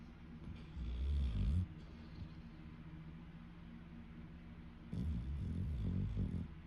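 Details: Deaf dog sleeping: low, rumbling, fluttering snores in two bursts separated by a steady low hum; snoring.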